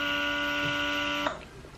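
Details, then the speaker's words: A Bellababy electric breast pump motor runs with a steady buzzing whine at a high setting, described as too much, then cuts off abruptly. The pump goes to level nine; the user normally stays at level two. "can you hear that sound like that's too much that's too much"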